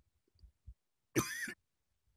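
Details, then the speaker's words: Dry cough shown for comparison with a wet cough in a COVID-19 cough-sound talk: a single short cough with sharp onset, quiet thin intermediate phase, no mucus rattle. "so let's just like put these together for a comparative point um again so the dry cough again it sounds like this"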